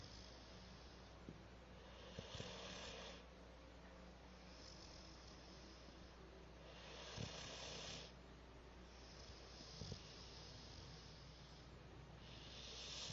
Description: My cat , Mamma Winky snoring loudly - That is all ...